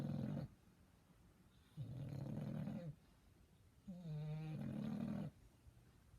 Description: Little puppy of English bulldog sleeping and snoring 😴